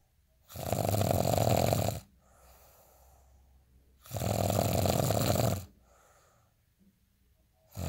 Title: day in life snoring asmr sound 241